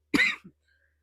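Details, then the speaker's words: Adult woman with influenza, sore throat, in the coughing stage: one harsh cough burst with a small trailing grunt; cough with flu. "but y'all this sucks so bad right now I'm kind of in the coughing stage not coughing stage but coughing [Music] stage excuse"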